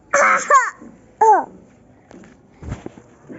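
Two short, voiced cough bursts from a young child, followed by soft breathing and small vocal sounds; a plain cough.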